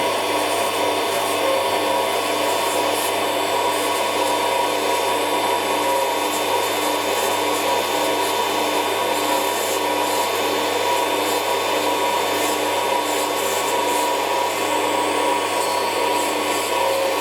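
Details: Podiatry nail drill smoothing the nail edge during ingrown toenail treatment on a left toe with recurring pain; steady loud grinding whine of the drill running normally.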